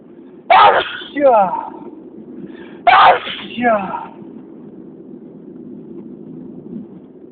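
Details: Two loud sneezes about two seconds apart, each a sharp burst with a voiced tail, recorded outdoors in wind; repeated ordinary sneezing.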